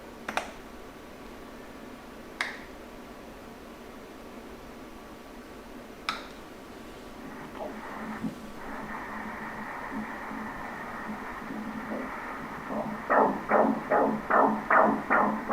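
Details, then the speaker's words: Fetal heartbeat on Doppler during live obstetric ultrasound, mother's seventh pregnancy despite her tubal ligation and partner's vasectomy: rapid, regular whooshing. "Bu yerda umurtqa pog'onasi pastga tushadi va yurak bu erda uradi, qarang? Keling, chaqaloqning yuragi urishini ko'raylik."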